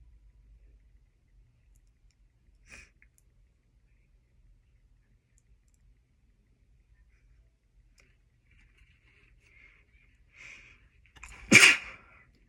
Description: Sniffed some chhinkni right before my roommates got home. Had to be quiet